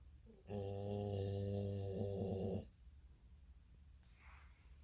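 One long, low, buzzing snore lasting about two seconds, then quiet breathing.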